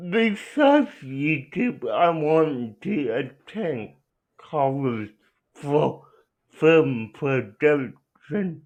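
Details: Young man with cerebral palsy; dysarthric speech (cerebral palsy).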